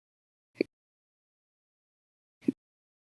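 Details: Hiccups caught after breakfast, part of a 12.5-hour hiccup bout linked to lunch and a cup of soda after dinner: two short, abrupt gulping clicks about two seconds apart in a quiet room; hiccups.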